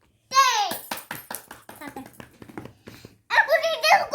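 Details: Speech of a child with a cochlear implant, vocalizing during a speech therapy session after implantation.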